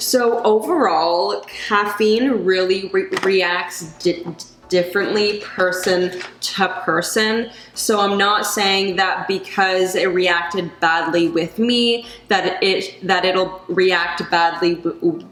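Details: Adult woman who stutters; she says caffeine worsens her anxiety and stutter, recently gave up coffee but still drinks tea and decaf; stuttering.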